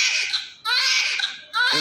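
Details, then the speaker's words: Newborn female baby delivered by LSCS (caesarean), crying while the vernix is cleaned off: short bursts of high, shrill crying with brief catches, a vigorous cry of an active newborn. "it is a symbol of active baby if the baby does not cry it means the baby does not act so try to understand that"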